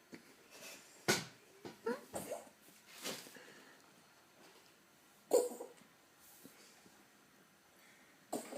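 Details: Cat coughing: several short, harsh cough-like bursts, spaced irregularly over a few seconds, in a quiet small room.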